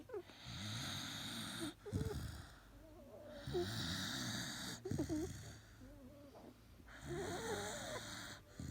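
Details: Rhythmic rattling snores with whistling nasal squeaks on each breath from a deeply sleeping, very tired female Xolo (Mexican hairless) dog; ordinary snoring.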